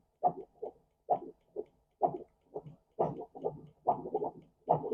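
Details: Regular whooshing heartbeat pulses, about 70 a minute, from an adult's own body, heard during a demonstration of a Bestmen BF-610P fetal Doppler; Doppler heartbeat sound.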